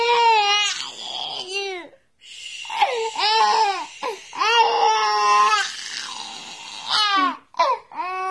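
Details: Loud, sustained wailing cries with brief catch-breath pauses from a roughly 7-month-old breastfed baby boy with a lingering cold, congestion and constipation since starting solids, who has cried when put down for about a week.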